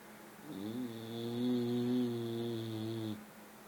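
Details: Very fat bulldog asleep, snoring: one long, droning, buzzy snore lasting nearly three seconds over steady room hum.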